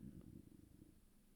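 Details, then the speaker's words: A low, rippling abdominal rumble with a soft gurgling texture, heard during a talking ASMR recording: stomach growling (borborygmi). "sorry if you can hear my stomach growling,"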